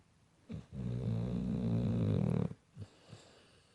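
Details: Pit bull dog snoring with natural, unenhanced sound: a loud, low, rattling snore of about two seconds, followed by softer snuffling breaths.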